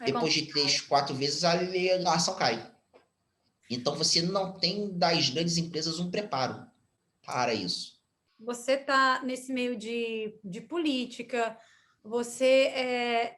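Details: Stuttering in a 34-year-old man whose stuttering is now mild after speech therapy, in spontaneous speech.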